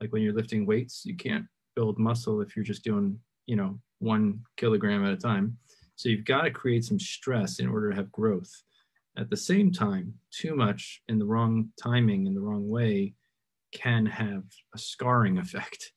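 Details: Adult male speaker; typical speech.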